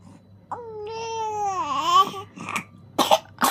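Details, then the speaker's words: Infant coughing while straining to poop: a strained, whining cry, then about three short wet coughs with phlegm in the throat that the baby swallows back down rather than bringing up. "Batuk lagi. E dahanya gimana ngeluarinnya ya? Aduh. Aduh ditelan lagiah."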